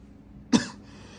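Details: In a staged comedy skit, an adult son gives one short, sharp cough beside his mother in a quiet room and says he is not sick, just clearing his throat: a cough.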